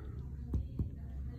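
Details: Abdominal percussion on a patient lying flat, examiner on the right side, during liver/spleen percussion: two soft, hollow finger taps giving the resonant note of gas-filled bowel.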